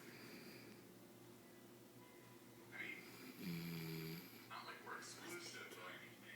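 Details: Snoring.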